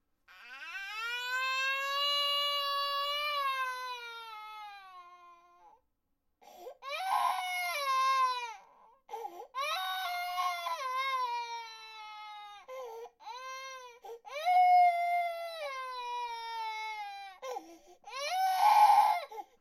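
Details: Baby crying, long clip: an infant cries in long, high wails separated by brief pauses for breath, about fifteen cries a minute.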